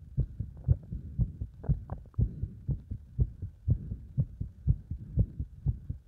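Fast, regular heartbeat at about 120 beats a minute with some background rumble, a heart speeded up by exercise.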